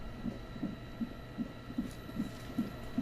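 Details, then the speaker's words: Fetal heartbeat on a monitor, about 150 per minute, soft regular thumps over a steady hum, replayed from a TV drama (not real); twin pregnancy, two good strong heartbeats heard, baby number one then number two. "oh my God it was was so worth cutting class to hear this and there's number two good strong heartbeats isn't that great"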